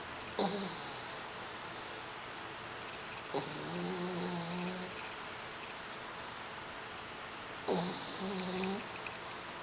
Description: Boeing, a 4-month-old French Bulldog puppy, takes a nap and quietly snores in his dad's lap.